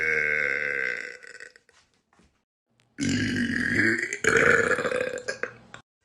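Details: Two long, loud, rumbling belches separated by a short pause, in a small room; burping.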